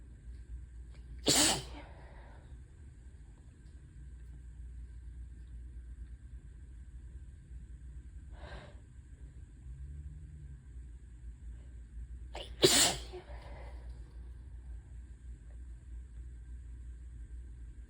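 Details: Hitchy, teasing sneezes: two sharp, explosive sneezes about eleven seconds apart in a quiet room, with a faint breath between them.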